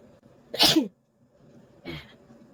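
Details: Deliberately induced sneezing by an adult woman who says she has a slight cold: one loud, sharp sneeze then a softer second sneeze, with quiet room noise between.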